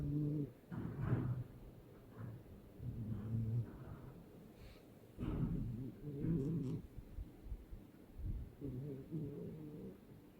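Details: Sleeping cat with irregular low, rumbling snorts and snores in bursts every second or two, described as snorting while having a nightmare; noisy sleep breathing, snoring.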